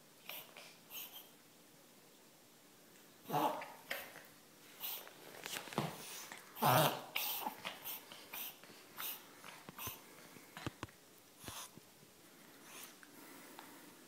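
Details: Repeated short snorting, wheezy breaths from a 1-year-10-month-old female Morkie or Maltipoo; vet diagnosed collapsed trachea without X-ray, owner suspects reverse sneezing instead.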